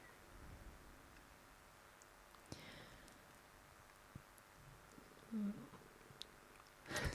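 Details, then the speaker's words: Stomach rumbling (borborygmi) from a podcast participant during conversation, who remarks "hear that? … tummy. That's my stomach." "hear that? Perry's tummy. That's my stomach."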